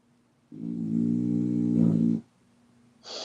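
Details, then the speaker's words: Dog snoring while asleep in a quiet room: one long, buzzing, rattly snore lasting under two seconds; ordinary snoring. "Sorry, Uncle, if you hear that in the background, that's my dog is snoring a little bit. But I'm not worried about it."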